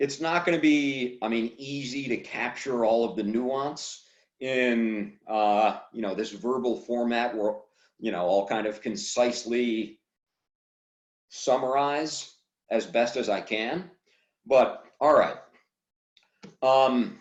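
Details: Adult man who stutters, speaking on a stuttering podcast; stuttering.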